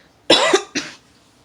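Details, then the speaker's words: Cough in an adult who says they had been coughing a lot overnight and into the morning: two quick, harsh cough bursts in a quiet room. "it's like last night i was just coughing a lot coughing a lot like just a lot and then i woke up this morning and like a lot a lot of coughings you can hear like my yeah"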